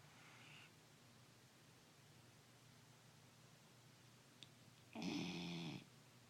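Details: Quiet room, then one loud, buzzing, voiced snore lasting under a second; snoring.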